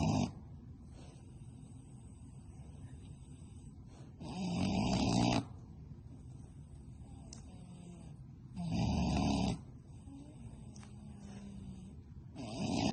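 Three rough, grunting snores roughly four seconds apart, about 15 a minute, with soft breathing between.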